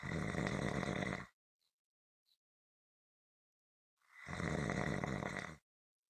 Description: This is a 7 minute clip consistant rhythmic snoring.